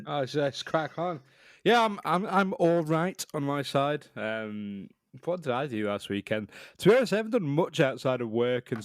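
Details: Adult man speaking; Normal speech.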